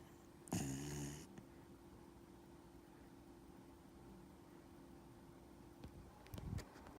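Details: 12-year-old Dachshund-Yorkie mix in deep sleep on owner's hip gives one loud buzzing snore, a short quiet pause, then a fainter snort; snoring.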